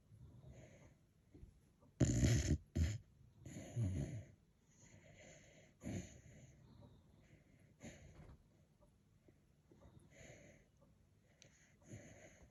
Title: Max snoring #dog #sleepydog ￼